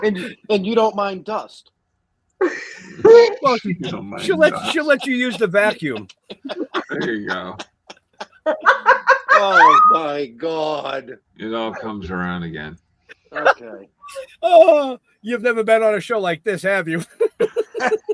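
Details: Adult woman speaking, possibly with a second speaker; ordinary conversational speech.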